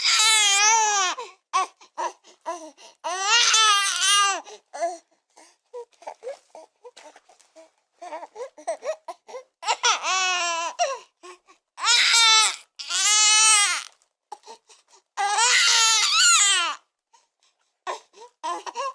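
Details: A newborn crying hard: high-pitched, rising-and-falling wails in repeated bursts, separated by short gasping breaths and whimpers.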